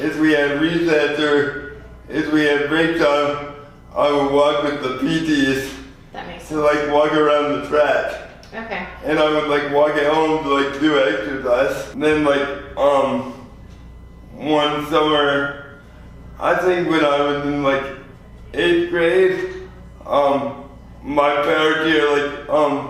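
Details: 24-year-old man with lifelong spastic quadriplegic cerebral palsy after premature birth at 2 lb 4 oz; dysarthria (cerebral palsy).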